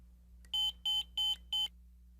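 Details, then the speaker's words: Monitor/defibrillator in an ambulance training demonstration: four short, even, high electronic beeps over a low room hum as the device is switched on; defibrillator/monitor power-on tone. "turn the m-series selector switch to on if you are using an AED or to monitor for advisory and manual devices"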